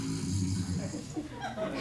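A low, buzzing, rattling noise on a drawn-in breath, then fading; an adult's deliberate imitation of snoring.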